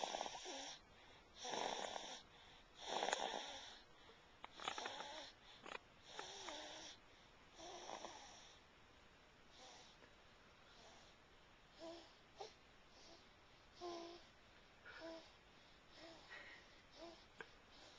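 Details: Someone snoring, recorded on a Flip Video camcorder: rough, hissing snores with each breath, fading into softer breathing with faint whistling noises.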